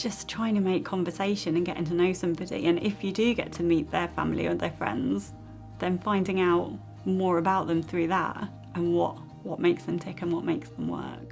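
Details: Adult woman speaking; Normal fluent speech.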